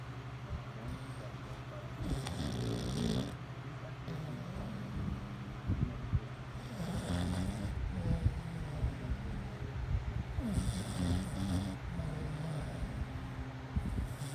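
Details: Adult woman snoring: loud, rough snores repeating about every three to four seconds over a low steady background hum.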